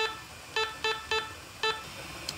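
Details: Five short, clear control beeps as a corpuls cpr mechanical chest compression device is set for child resuscitation: mode 15:2, compression depth 4.7 cm for a 14 cm chest, rate around 110.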